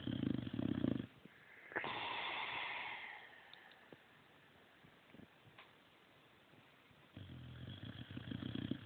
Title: Adorable snoring boxer